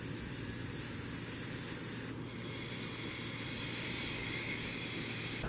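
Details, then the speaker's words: Demonstration of a disposable Mercury Medical CPAP device with PEEP set by oxygen flow: a steady airflow hiss, louder at first and then settling to a lower continuous hiss. "tell them that you have a device that's going to help them with their breathing it's going to blow air onto their face and it's going to make them feel better"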